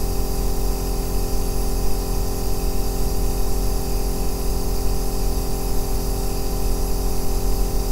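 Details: Steady, deep, unbroken hum with faint hiss: an aerosol nebulizer running continuously, recorded as sleep white noise.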